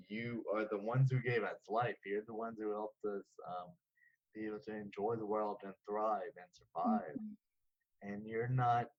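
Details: 34-year-old man diagnosed with Friedreich's ataxia at age 11; ataxic dysarthria.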